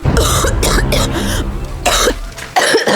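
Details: Coughing sounds.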